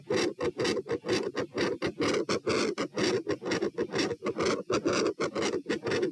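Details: Heart sounds recorded at position P while moving from sitting to standing, rate 96–132 bpm: fast, loud, harsh beats, about 125/min, tachycardia on standing with a loud, fast S1 and a murmur.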